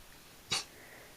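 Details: Cat sneezing after a feather earring got stuck in his nose: a single short, sharp, hissing burst; one sneeze.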